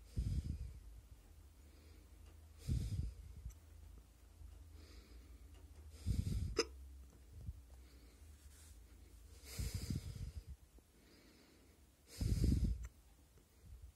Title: My neck hiccups